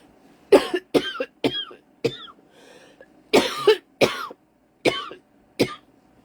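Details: Two runs of repeated harsh coughs, about nine bursts in all, with a brief pause between runs, from a sick adult who suspects COVID but has no fever, after taking hydrocodone and Ativan; cough during illness.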